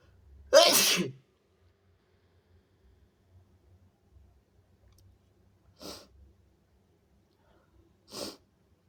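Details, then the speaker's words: Strong sneezes: one loud, forceful sneeze followed by two softer sniff-like bursts in a quiet room; ordinary sneezing. "Oh my god. Excuse me. It was so big. Whoa. I sneezed on you."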